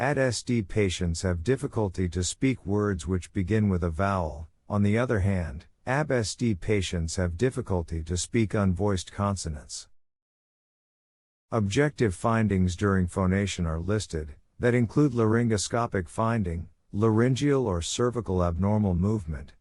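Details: Synthesized male narrator voice; ordinary speech.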